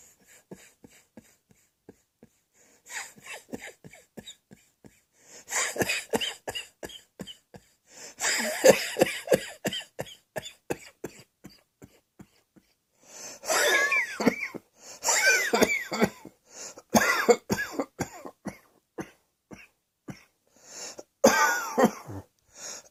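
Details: Repeated bouts of harsh coughing with short pauses between clusters, in a small quiet room.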